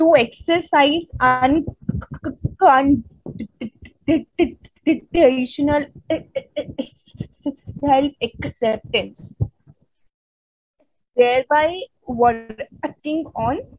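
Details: Adult Indian woman who stutters, presenting on women and stuttering at a stuttering conference; stuttering.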